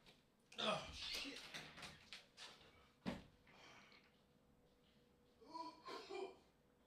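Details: Adult coughing in harsh bursts after trying a "Dutt Cart", left gasping for air: a strong fit early on, then one sharp cough and a later cluster.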